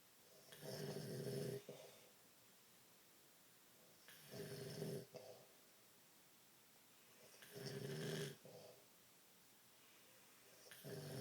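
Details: Rhythmic rattling snores about every three to four seconds, roughly 18 a minute, from a sleeping man and dog together; ordinary snoring.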